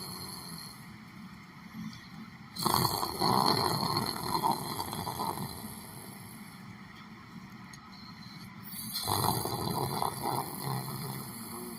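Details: Person asleep sitting in a chair at a library: two long, coarse, rumbling breaths about six seconds apart over steady room noise; snoring.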